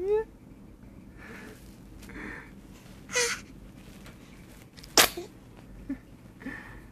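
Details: Baby girl sneezing: small, sharp sneeze bursts with soft sounds between them in a quiet room; an ordinary infant sneeze.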